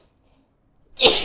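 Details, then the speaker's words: Acted adult sneeze in a Japanese role-play during a relaxation eye treatment, sprayed onto the client's face: a single loud, sharp, hissing burst after near silence. "すいません。くしゃみいっぱい顔にかかっちゃいましたよね。"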